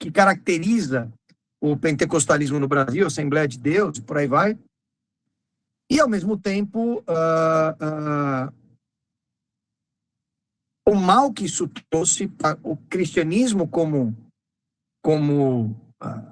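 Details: Man with spasmodic dysphonia treated with toxin injections; the toxin is wearing off, and he says his voice is worse than last time because signs return after 3–4 months, with the next injection due in early July; spasmodic dysphonia.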